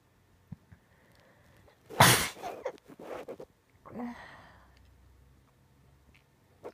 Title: Uncontrollable sneezing